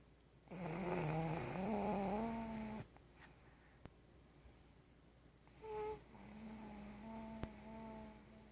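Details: A 5-year-old child asleep sitting on the floor with her head on the couch: a long, loud, tonal snore on the in-breath, then a softer wavering one a few seconds later; snoring.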